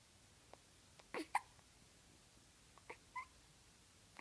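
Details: Hiccups.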